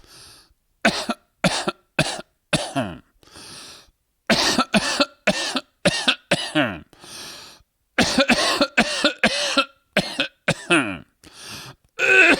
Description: just a man coughing